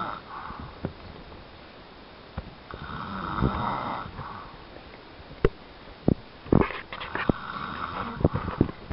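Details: Rough low snoring from a sleeping father, partly masked by clicks and room noise; snoring.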